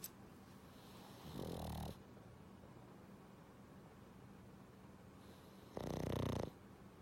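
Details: Two loud rattling snorts about four seconds apart over a faint hum: snoring in a napping Pug, a flat-faced dog.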